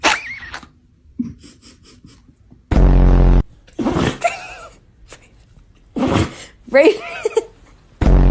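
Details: Dog sneezing: several short explosive nasal bursts in a series, with brief human voices between them in a small room.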